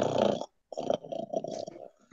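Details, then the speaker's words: Child snoring in the background of a live drawing recording: rough, rattling, purr-like breathing noise in two bursts with a short pause between. "And if anyone hears that noise in the background, that's actually my sister's kid snoring."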